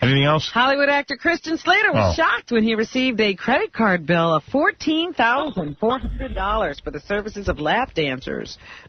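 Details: Adult speaker; normal voice.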